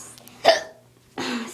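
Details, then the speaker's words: A single sharp, gulping hiccup followed by a brief voiced sound, from a person with ongoing hiccups before trying to cure them by drinking water. "I have two hiccups so I'm gonna try and get rid of them"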